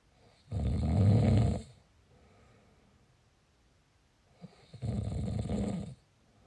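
Two long, low, rattling snores about four seconds apart, with quiet pauses between them. Ordinary snoring.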